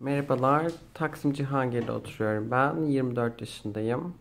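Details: 24-year-old male-to-female transgender woman recorded before Wendler glottoplasty voice feminization surgery; male-range speaking pitch before voice feminization surgery.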